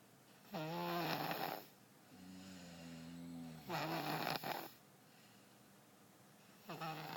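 Rhythmic noisy breaths with a tonal, whistling rattle, about 20 a minute, softer humming between; infant snoring.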